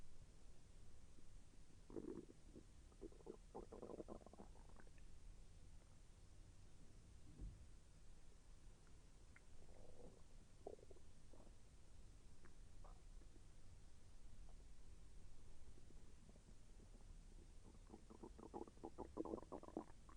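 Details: Bowel sounds (borborygmi) during digestion: soft low gurgling and rolling bursts over steady hiss. The person felt the intestine move and said it was a little painful.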